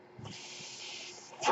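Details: Airflow noise from the podcaster's own mechanical ventilator, audible while he speaks.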